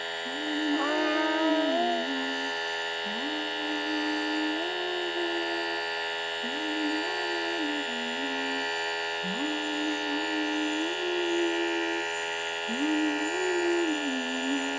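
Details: Steady mechanical hum of a running nebulizer with soft crooning voice over it; inhalation treatment for cough in a 10-month-old baby.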